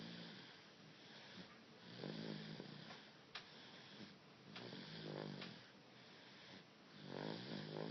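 Soft, rattly breathing noises during sleep with a few quick snorts, over a steady background hiss; infant snoring.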